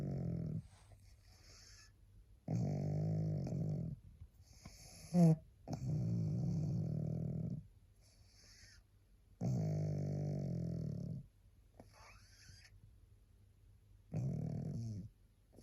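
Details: Tired pug resting, barely able to hold her head up: loud, rumbling snores in slow cycles, about four in fifteen seconds, with quieter breaths between; snoring.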